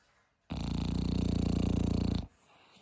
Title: Snoring Dog #asmrdog #asmrsound #snoring #dog #sleep #sleeping #funny #funnydog #dogmom #dog #dogs